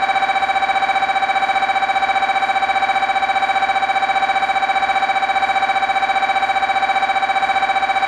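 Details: Loud, steady electronic buzzing with fast regular pulsing, about 150 pulses a minute, as an MRI scanner runs a sequence: MRI scanner noise.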